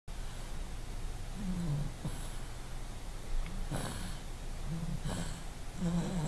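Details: Low rumbling snores over steady room noise, about three in six seconds, with soft snorting breaths between.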